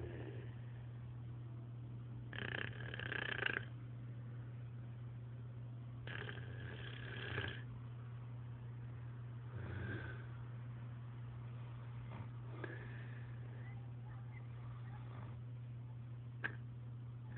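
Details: Snoring: several rough, rattling breaths a few seconds apart over a steady low hum.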